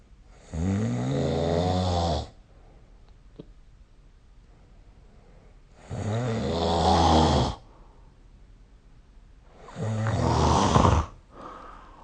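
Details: Snoring recorded with the SnoreLab app: three loud, rumbling snores on inhalation, each about two seconds long, separated by quiet pauses.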